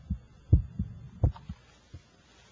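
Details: Regular paired heart thumps at roughly 80–85 beats a minute, heard through a stethoscope on an adult male during a trauma cardiac examination. The examiner is listening for murmurs or distant heart sounds that could indicate cardiac trauma.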